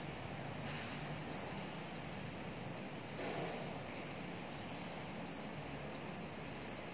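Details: Automatic upper-arm blood pressure monitor (Polygreen KP 7520), cuff on left arm, self-measurement: regular high-pitched electronic beeps about 90 a minute over faint pump hum; reading 134/78, slightly high, heart rate 90.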